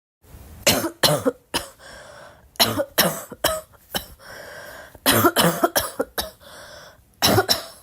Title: Girl coughing 279